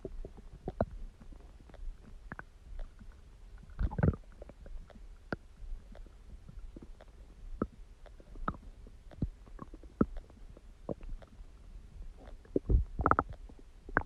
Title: Stomach Growling Sound | My Stomach Makes Noises